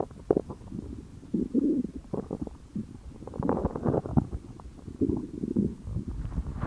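Irregular gurgling, rumbling and squelching from the abdomen, typical stomach growling of normal gut activity.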